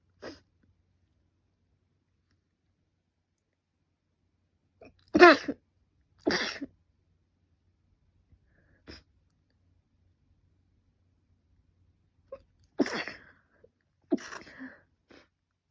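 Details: Person with a cold and allergic rhinitis, runny and stuffy nose, and a fever for five days; several separate sneezes in a quiet room, a couple in quick pairs, with faint sniffs between; repeated sneezing.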